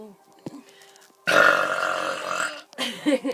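A long, loud, rumbling belch over a second long, then a shorter one, with a little talk around it; ordinary burping.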